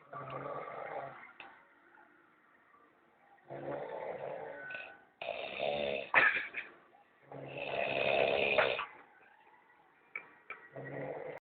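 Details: Loud, rough snores on the in-breath about every three to four seconds, separated by quieter breathing; ordinary snoring.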